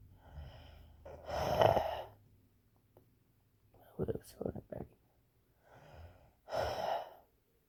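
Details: Two long, raspy, whistling breaths with quick sniffs between: a deliberately made imitation of wheezing.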